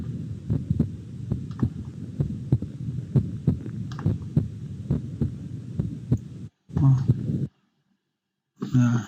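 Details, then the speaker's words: Simulated chest auscultation in DxR Clinician virtual patient software, checking for possible CHF: regular paired heart sounds through a stethoscope at about 75 beats per minute. "udah mendengarkan suara jantung Nah bisanya kita mau mengemas ketahui Apakah ada kemungkinan chf 10 begitu kita mendengarkan suara jantung suara jantung kita dengarkan tentu di batangnya as voltase di sini ah [Musik]"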